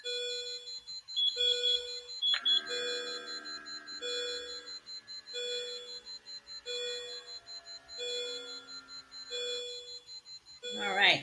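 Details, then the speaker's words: ACLS training simulator in unstable tachycardia (SVT station), heart rate 200: rapid repeating monitor tones with an overlapping alarm; BP 108/60, SpO2 92%, respiratory rate 28. "and so I'm going to pause it just so we don't have to speak past beeps right now we have a heart rate of 200"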